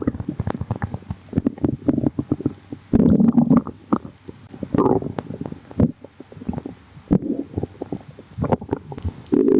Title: some gurgles | stomach rumbling